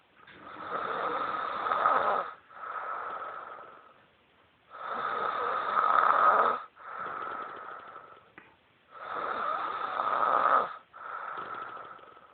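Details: Snoring: rhythmic harsh, raspy breaths in and out, about 14 a minute, with a rough fluttering quality.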